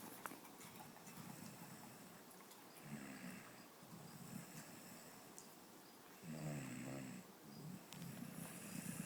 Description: My dog snoring